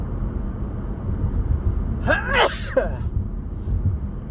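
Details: Male sneezing while driving: a single voiced sneeze over steady road and engine rumble inside a car.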